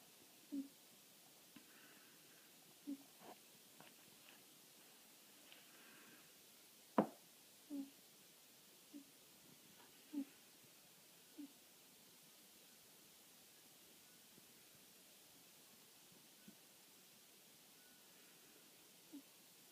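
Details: Sleeping cat snoring before waking: soft, short snorting snores in a quiet room, with one sharp click.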